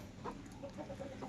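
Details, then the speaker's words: Chicken with snoring respiration (ngorok) unchanged despite capsules and other medicines, appetite and condition still normal: soft, rattling, snore-like breathing with short clucking notes, consistent with respiratory rales. "sedang ngorok Kita udah coba obat kapsul lain sebagainya kita lolokan cuman masih ya tidak ada perubahan"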